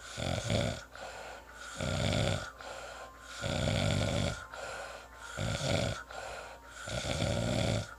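Loud, rattling snores, one with each breath, about 18 breaths a minute, with quieter breathing between them.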